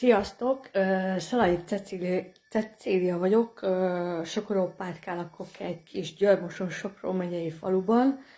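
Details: Adult woman with stuttering, real rather than acted, speaking in Hungarian; stuttering.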